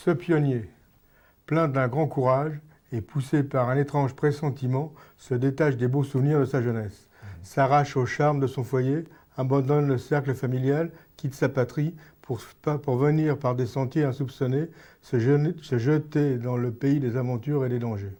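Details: Man with Parkinson's disease for about 6 years reading unfamiliar text aloud, running out of breath, pausing too little and accelerating with a forward rush: hypokinetic dysarthria.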